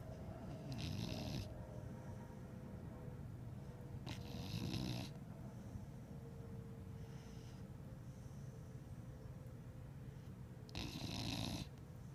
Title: Dog Snoring (Gigi)